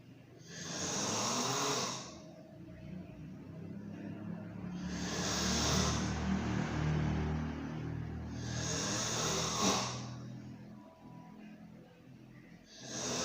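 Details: Sleep snoring: loud, rough snores on each breath in, separated by quieter breaths out, about seven breaths a minute.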